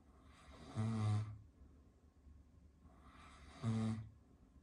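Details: Caucasian Shepherd dog snoring while asleep: two deep, rumbling snores about three seconds apart over a quiet background.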